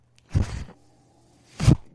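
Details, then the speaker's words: Speaker's own mechanical ventilator, heard while they talk during recovery from an illness: two low, rushing puffs of air with a faint steady hum between them as it delivers breaths. "thank you so very much for tuning in I'm glad to be back my name is renan [Music] m that noise you're hearing is my ventilator"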